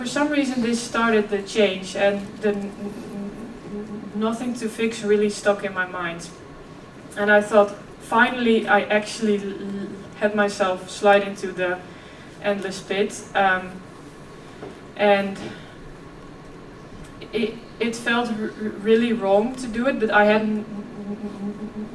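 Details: Real stuttering in a 26-year-old woman who also has OCD; she stuttered effortlessly as a child, and her stuttering is now more struggled.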